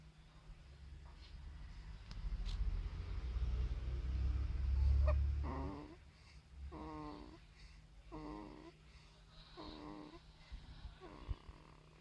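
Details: Baby under one month old snoring during sleep: a low rumbling noise, then a series of short, soft, rhythmic snoring breaths about every second and a half; light infant snoring.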